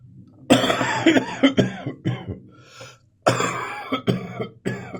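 Repeated harsh, rattly coughs in two bouts with throat clearing between, sounding wet and loose; a productive cough bringing up phlegm.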